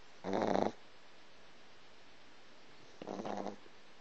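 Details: Snoring in a sleeping, dreaming 3-month-old Boston Terrier puppy: two short, buzzy, nasal snorting breaths a few seconds apart, light snoring.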